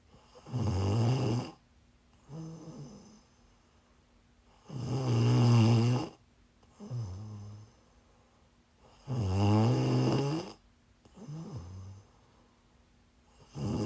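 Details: Loud, low, rattling snores alternating with softer breaths, about seven cycles a minute, in a quiet room; snoring from a person who is sick, recorded during a live stream.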